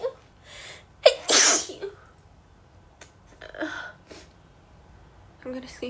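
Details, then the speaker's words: Female, warning she is about to sneeze, during a sneezing fit: a catching breath, then one loud explosive sneeze, followed by quieter vocal sounds. "Sorry, just a bit of a warning. I think I'm going to sneeze. Yeah, I'm going to sneeze."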